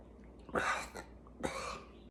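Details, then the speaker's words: Coughing from an adult with a tickle in the throat who can't stop coughing, recorded outdoors on a bike ride on the way to buy cough syrup. "at I can't stop coughing it's driving me nuts I'm heading to Walgreens"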